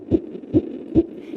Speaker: it's the heartbeat of an infant in the womb at 6 months his heart's beating at about 140 beats per minute